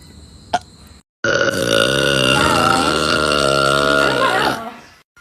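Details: Adult woman (mom) burping hard, from a compilation: one long, loud, drawn-out belch lasting over three seconds, preceded by a brief click; a forceful burp.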